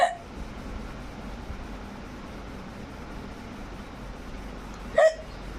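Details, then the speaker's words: Baby daughter with hiccups: two brief, sharp hiccup sounds about five seconds apart against quiet room noise. "को hiccups आ रहा है और हम भी इसके साथ हिकअप्स करेंगे, देखना कैसे"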